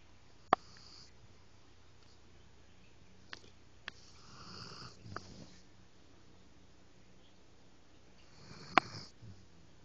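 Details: Sleeping pet (Huck) snoring: two soft, rasping, whistly breath noises about four seconds apart, with faint clicks in a quiet room.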